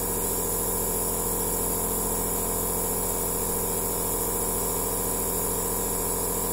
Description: relaxing sound of aerosol therapy machine